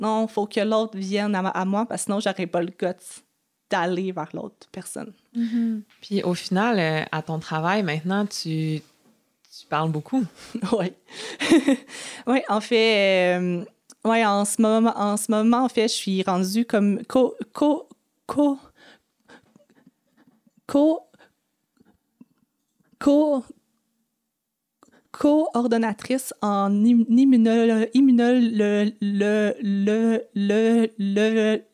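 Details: Adult woman who has stuttered since age 6 (developmental stuttering) and had about 4–5 speech therapy courses across primary school, secondary school and university; real, natural conversational speech showing stuttering.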